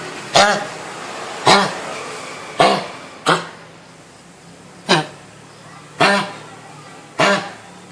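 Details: Seven sharp, harsh, honking coughs in about eight seconds from a dog with kennel cough (canine infectious tracheobronchitis), a highly contagious respiratory disease, at a veterinary hospital.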